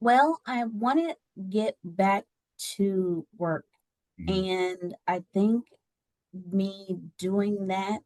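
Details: Adult woman with aphasia after a stroke that left her unable to talk and partially paralysed on her right side; she regained speech with therapy.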